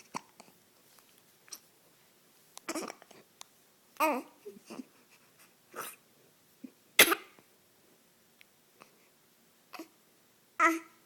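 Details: Person hiccuping and laughing: scattered short hiccups mixed with giggling and breathy laughter over about ten seconds.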